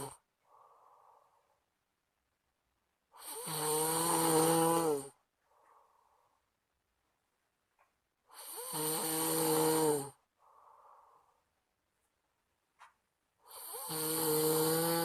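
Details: Friend snoring heavily at night, keeping the recorder awake: loud, rough, rattling snores on each breath in, about 12 breaths a minute, with quiet breaths out between them.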